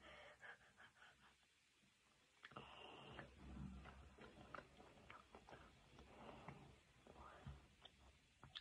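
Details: Run of harsh, sputtering coughs with gasping breaths after taking a whole bite of a hot chili pepper; irritant-induced cough.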